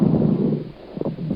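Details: Chest auscultation teaching recording: low-pitched, bubbling, irregular popping sounds over a breath through the stethoscope; coarse crackles.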